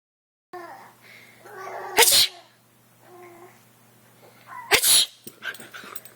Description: I sneezed and my dog freaked out, so I kept making the same noise and sure she did it again and again.